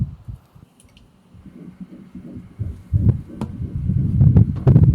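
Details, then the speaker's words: Rapid whooshing fetal heartbeat on doppler, about 130 per minute, growing louder, described as a strong heart; heard amid friends' celebration of a pregnancy announcement. "That sounds like a strong heart right there. that is a good one, man."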